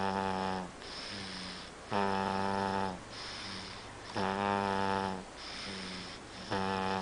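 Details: Loud, regular snoring, rattling and buzzy on each breath in, about 27 per minute, with quieter breaths out between: snoring.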